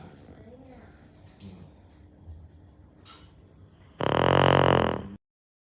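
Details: Sleeping dog: low quiet breathing, then one loud, rough, buzzing snore; dog snoring.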